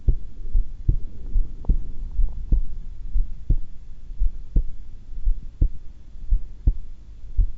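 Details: At rest, calm and not anxious, holding breath twice: steady low heartbeats about 60 a minute with faint hum; normal heart sounds during breath-hold.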